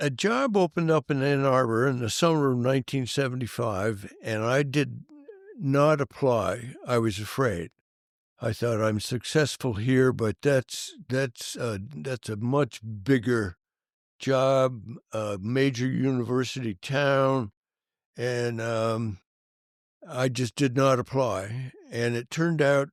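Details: Adult male band director with stuttering that was severe in childhood and stayed severe for many years; he says he still stutters, as can be heard. Finding: stuttering.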